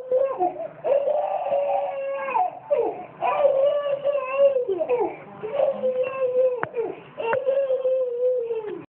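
A baby cries in sustained, high-pitched wails separated by brief gasping breaths in a small room.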